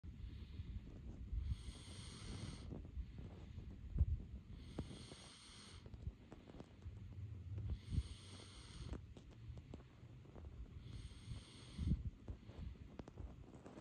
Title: Who is snoring?